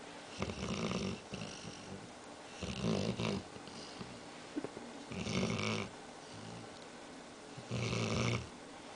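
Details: Loud rattling snores with each breath, about four in nine seconds, noisy in-breaths and quieter out-breaths, from a dog snoring while half awake; snoring.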